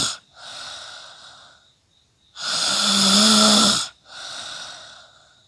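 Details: Snoring during sleep, a rendered sound effect: long, harsh, whistling inhaled snore between softer hissing breaths.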